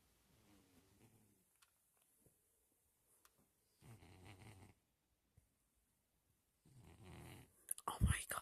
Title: My cat snores!!?!